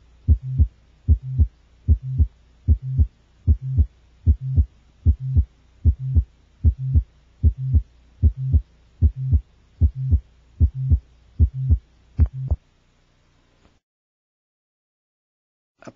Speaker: an occasional patient with mitrov valve prolapse will have a late systolic honk or h hoop replacing the late systolic murmur the hoop is sometimes loud enough to be sensed by the patient